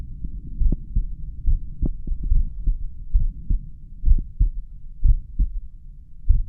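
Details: Self-recorded resting heartbeat, probably at the mitral area, with a pulse oximeter counting heart rate: low, soft, repeated thumps through a steady low hum, a slow resting heartbeat. Bradycardia.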